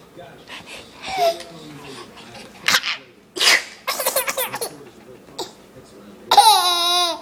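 Sharp bursts like sneezes, followed by an infant's laughter; the sneezes are faked.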